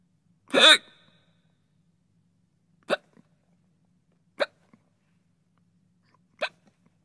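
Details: Various human hiccup sounds, a sound-effect recording.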